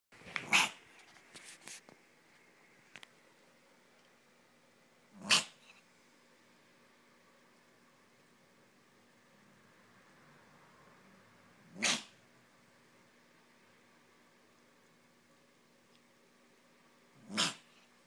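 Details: A 3-year-old cat coughs with four brief, sharp, explosive bursts several seconds apart; for 6 months she has alternated weeks of coughing with weeks of sneezing milky nasal mucus, and the vet was not concerned.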